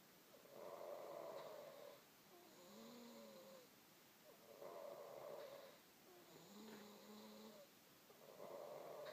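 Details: Snoring at about 15 breaths a minute, with a loud rattling snore on each inhale alternating with a softer whistling tone on each exhale; snoring.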